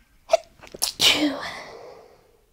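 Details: End of a sneezing fit recorded at night: quick catching inhalations build to a forceful sneeze that trails off into a breathy exhale.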